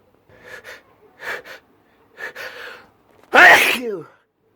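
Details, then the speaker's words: Allergy sneezing fit: three soft breathy catches, then a loud explosive sneeze with a trailing voiced tail, followed by more sneezes and apologies; sneezing. "Excuse me. Oh, I'm gonna sneeze again. Oh gosh."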